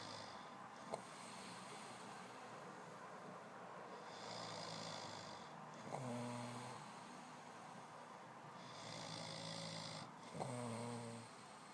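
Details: Young man snoring hard during sleep: low droning snores on each breath, roughly thirteen a minute, with a faint rattle at the start of each.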